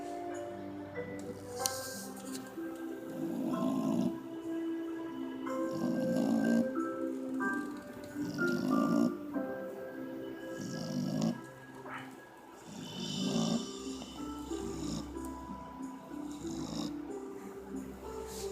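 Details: Purebred English Bulldog sleeping by the fireplace: snorting, rattly snores partly covered by background music; noisy breathing typical of a flat-faced breed.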